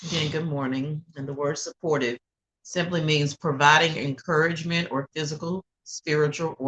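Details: Adult woman speaking; Normal voice.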